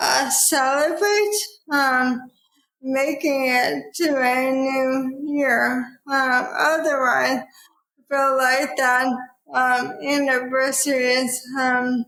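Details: Dysarthria in an adult woman with probable ALS, diagnosed in 2014 at age 33 after rapid onset (half Ironman to needing a cane within six months); about ten years since diagnosis; real speech.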